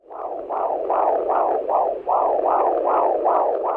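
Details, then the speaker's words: Fetal heartbeat: rapid, regular whooshing pulses at about 150 per minute, picked up by Doppler. "In the second trimester, also, the baby's heartbeat is much stronger and you can hear the baby's heartbeat."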